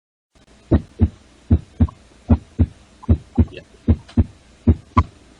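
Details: Normal heart sounds played in a veterinary large-animal auscultation class, heard at the tricuspid valve area on the right side behind the humerus near the axilla: smooth lub-dub without murmur.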